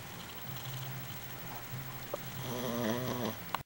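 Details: Snoring from a sleeping pet named CICI: low rattling snore ending in a brief whiny, squeaky vocal sound; ordinary harmless snoring.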